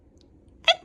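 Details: A 7-month-old baby with a cold gives a single short, high-pitched, squeaky sneeze after a moment of quiet.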